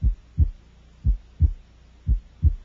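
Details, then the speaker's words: Widely split second heart sound, as in right bundle branch block: slow, regular heartbeat at about 58 a minute, P2 delayed so S2 is widely split through inspiration and expiration. "several conditions such as right bundle branch block will increase the separation of A2 and P2 P2 is delayed and the second sound will be widely split"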